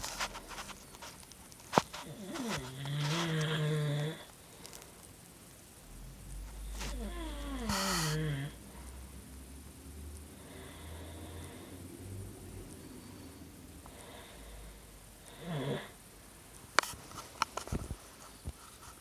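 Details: A cat and a man snoring together, as happens every day: a low, rattly snore alongside softer, higher snoring breaths, with some room noise; mixed snoring from two sleepers.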